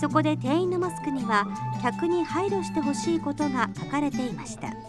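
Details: Adult news narrator; Normal fluent speech.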